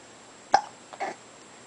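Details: 3-month-old infant hiccuping: a sharp, brief hiccup catch followed by a softer second one in a quiet room.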